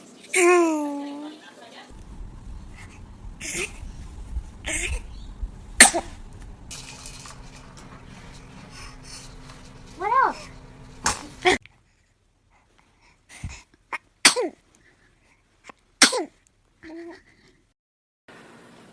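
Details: Babies sneezing in a compilation clip: several short, sharp bursts of air with small squeaky voice onsets, amid household noise and adults saying bless you.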